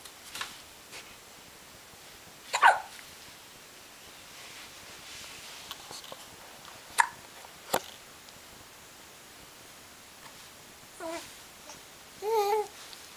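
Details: Infant named in the caption with hiccups: brief, sharp hiccup sounds at irregular intervals in a quiet room, with a few small infant vocal sounds; ordinary infant hiccups.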